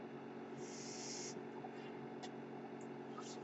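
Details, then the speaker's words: Mechanical ventilator sound heard while the user speaks, identified by the speaker as the noise of their own ventilator. "Hello everyone, my name is. That noise you're hearing is my ventilator."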